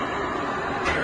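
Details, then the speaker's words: Steady rushing airflow from a Cough Assist device pushing air through a face mask into a patient holding his mouth slightly open, cued to breathe in and out; mechanical insufflation-exsufflation device cycling until the mask is removed. "El aparato seguiría ciclando, pero al quitárselo yo, ha dejado."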